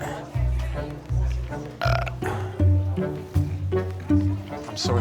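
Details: Patient waiting for hours in a London A&E with constant, unbearable burping, worsening symptoms, saying they are in terrible trouble; repeated deep, loud belches about one each second, with music underneath, persistent burping.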